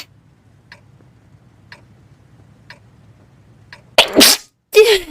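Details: Compilation of girls' sneezes: quiet room with faint ticking, then one sharp sneeze followed by a brief voiced sound.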